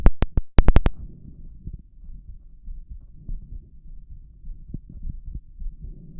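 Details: Simulated doctor's-office auscultation of a shirtless adult male's chest: after brief lung listening, stethoscope clicks then loud, forceful, rapid heart thumps at about 95–100 per minute, with a visibly heaving apical impulse; rapid forceful heartbeat.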